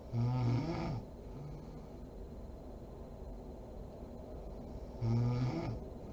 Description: SNORING MOM SLEEPING SERIES PART 39